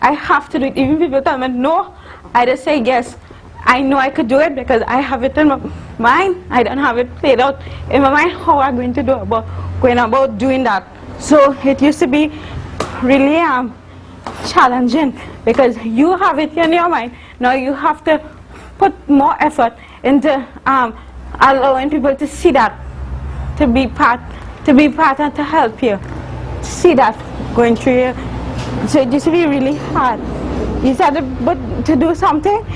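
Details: Adult woman, university student, with congenital cerebral palsy involving spasticity and athetosis; speech in cerebral palsy, possible dysarthria.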